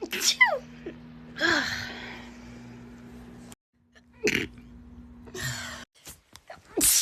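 Two or three sharp explosive bursts with a steady hum behind them: sneezing.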